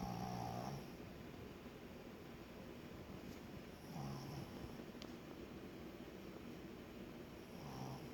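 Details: Snoring: low rumbling snores recurring about every three to four seconds, with steady room noise between them.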